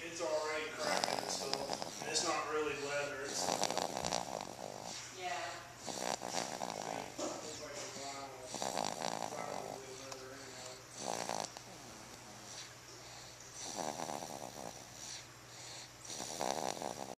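Repeated rough, rattling breathing noises during sleep with soft pauses between them; snoring.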